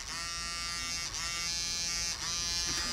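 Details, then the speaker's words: DentalVibe device on a dental patient before a local anaesthetic injection: a continuous high buzzing hum of vibration, which also acts as a sound distraction from injection pain. "what happens first of all we have the vibration going okay it also has a sound distraction okay"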